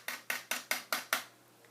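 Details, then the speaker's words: Six sharp metallic clanks in a steady rhythm, fading at the end: crutches striking while walking, demonstrated by a young woman in a cast expected for two to three weeks, describing how noisy they are at night. "it's super obnoxious right so at night when I go to the bathroom or I'm I I stay up like super late at night so I was going I always go and get like cups of water and stuff so I had to be like super quiet"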